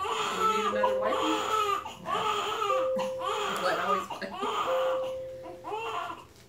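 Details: Newborn boy just after a planned C-section, during his first diaper change: repeated strong, high-pitched wailing cries with brief breaths between, a normal vigorous cry, with a steady tone in the room.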